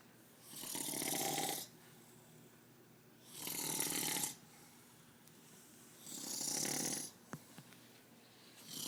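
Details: An adult man (father) snoring while asleep: regular hissing, fluttering snores about every three seconds, roughly 20 breaths per minute, with quiet pauses between them.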